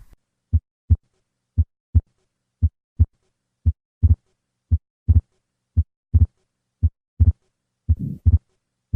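Regular heartbeat, about 57 a minute; the second sound becomes clearly split, then a soft systolic murmur appears: atrial septal defect with fixed split S2.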